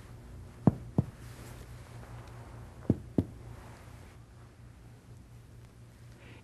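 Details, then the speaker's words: Percussion of the anterior chest of a healthy supine patient, moving from resonant lung downward toward liver dullness to find the right diaphragm level; resonant percussion note. "you want to check the level of the right diaphragm anteriorly percuss from resonant lung downward to liver dullness"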